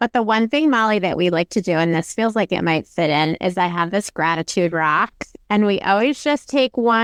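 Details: Adult woman; Normal speech.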